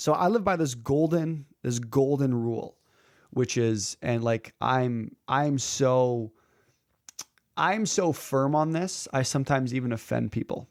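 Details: Male who has stuttered since about age 3, with stuttering running in his mother's family, now a communication and public speaking coach; stuttering.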